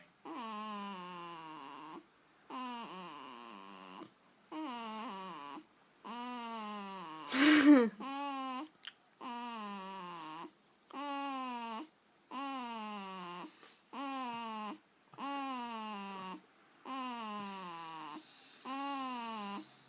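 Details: One-week-old baby girl making noises in her sleep: repeated drawn-out tonal coos and cry-like sounds, about a dozen in twenty seconds, with one louder squeal, getting louder toward the end; newborn vocalizing, no snoring heard.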